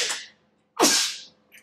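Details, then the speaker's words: Adult repairing bearings on a nitro RC engine says he has to sneeze; a brief hiss, a pause, then one sudden explosive burst of breath noise fading over about half a second: a single sneeze. "I gotta sneeze"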